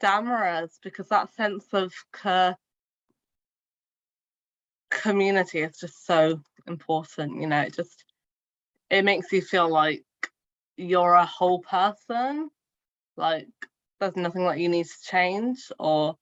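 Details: Adult woman who stammers; stuttering.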